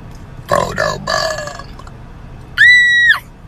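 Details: Two voiced, croaky voluntary burps from a woman, then a drawn-out higher-pitched vocal sound: burping.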